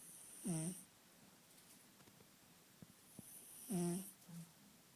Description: One of our kittens who snores during his siestas :)